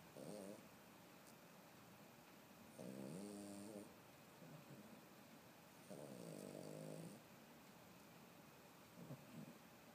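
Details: Regular rattling, buzzing breaths repeating about every three seconds, roughly 20 a minute, during sleep in a quiet room; snoring.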